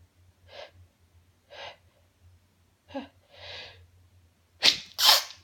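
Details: Nonstop sneezing: a string of sharp inhalations and explosive bursts with exclamations, ending in two loud sneezes in quick succession; repeated sneezing.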